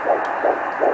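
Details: Fetal heartbeat on Doppler at 13 weeks' pregnancy, second doctor's visit: rapid, regular whooshing pulses at 163 bpm.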